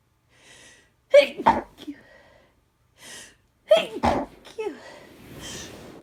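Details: Two sneezes, each preceded by a quick breath in, with soft sniffing between, from an adult with a cold who feels miserable and itchy; some sneezes induced, some not.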